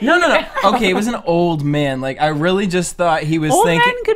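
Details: Adult speaker; normal speech.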